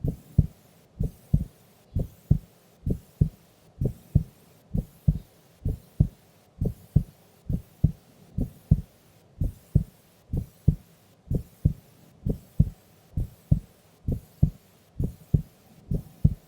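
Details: Female asleep during an afternoon nap: steady paired low thumps at about 65 beats a minute, regular rhythm; normal heart sounds.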